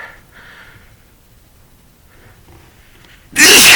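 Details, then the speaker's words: Adult man who had a few drinks before recording speaks, then after a quiet, breathy lead-in gives one loud, explosive sneeze. "oh that was a wet one it's really awesome that we can all do this for each other"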